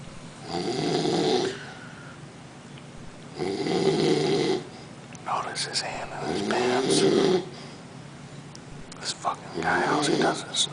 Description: My roommate has a snoring problem. Some pretty funny shit as I caught him snoring so loud I could hear him from the other room with the door closed and my t.v. on.